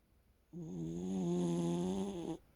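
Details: A loud, drawn-out, buzzing snore with a steady, almost whistling tone lasting nearly two seconds, from a small dog while asleep; snoring.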